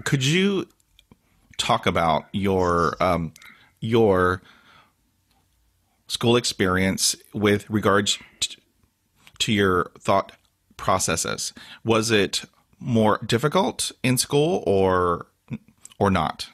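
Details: Adult man with stuttering he calls a daily struggle, with blocks and facial tics despite years of speech therapy; word repetitions and interjections heard; stuttering.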